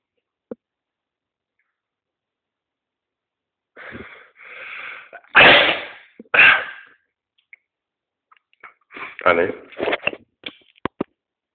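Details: Man sneezing: two loud, forceful sneezes, each after a short in-breath, then quieter sniffs and breathy noises; plain sneezing.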